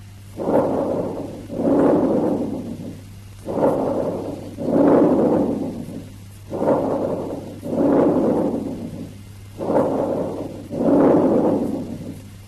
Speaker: Bronchovesicular breath sounds.